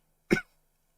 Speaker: Sorry. Um really coughing. I don't know why.